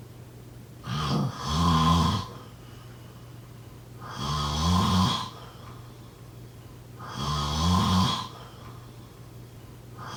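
Regular rattling snores on each in-breath, about 20 breaths a minute; snoring.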